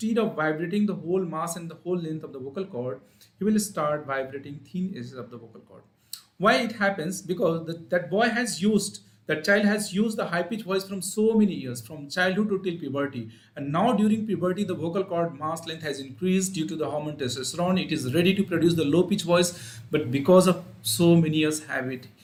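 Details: Adult male speaker; normal voice.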